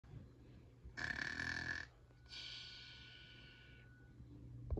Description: This is the snoring impression of Hissy.